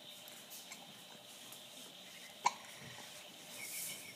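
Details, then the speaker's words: One-month-old female infant on a playmat: a single brief, sharp hiccup against a quiet room background. "I will not let the hiccups deter me."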